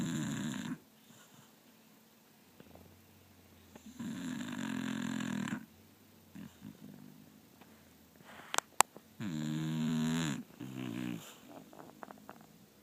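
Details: Snoring during sleep: loud, rattling snores recurring every few seconds, with quieter snorts between them and a couple of sharp clicks.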